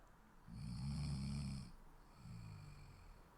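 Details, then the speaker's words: Snoring example from a sleeping adult: two low, rattling snores on breathing in, the second softer. "и это храп храп - это существительное а глагол храпеть"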